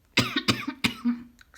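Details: Three quick, sharp coughs with a voiced, slightly throaty release in a quiet room, from a speaker dealing with the lingering effects of a cold; a short cough bout.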